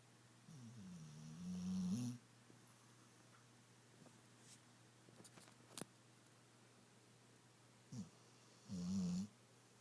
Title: Snoring Dog